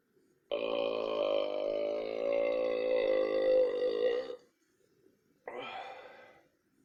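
A long, loud, voiced belch lasting about four seconds, then a shorter second burp. Two burps in total.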